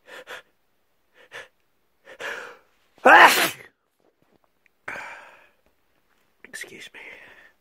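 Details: A run of sharp inhaled catches and explosive sneezes, one loud sneeze standing out, in a quiet room, from a person with a cold; sneezing fit.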